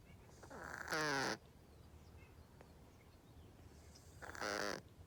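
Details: Snoring outdoors in the morning: two loud, buzzy, pitched snores about three and a half seconds apart over outdoor background noise.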